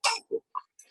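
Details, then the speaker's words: Croup in a child, shown as an example of metallic, barking cough: a few short, harsh, hollow seal-like coughs from a narrowed, inflamed upper airway. "Y ese es el video sobre la tos metálica o perruna."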